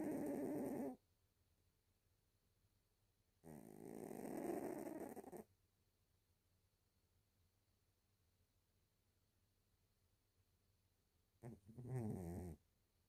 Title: Thorn, snoring his head off #cats #cat #cutecat #snoring #snoringcat